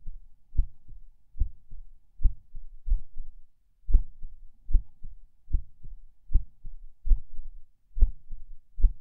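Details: Person lying in bed falling asleep: low heartbeat about 74 a minute, mostly regular with occasional soft skipped beats, possibly PACs (uncertain), with a distinct split S2.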